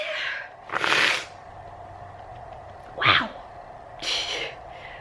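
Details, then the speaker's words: Sneezing fit on waking in the morning: three sneezes in quick succession over a few seconds, steady room hum behind. "I think I'm having a sneezing attack, guys."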